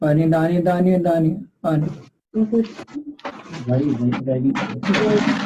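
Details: Very severe global aphasia with recurring utterance: speech limited to repeated words ('paani', 'paisa') in reply to questions.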